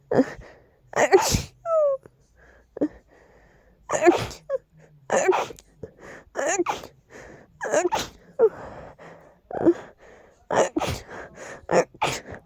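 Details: Strong allergy sneezing fit: a rapid run of repeated forceful sneezes with sharp inhaled gasps between them, relief not coming.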